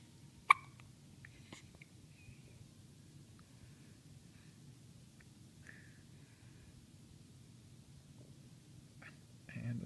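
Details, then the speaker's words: Soft sharp catches interrupting quiet breathing every second or two, with faint adult whispering, in a 3-day-old baby girl right after her first good feed; newborn hiccups. "I think as long as these hiccups are going on ooh there goes cross-eyed and we're back and another one"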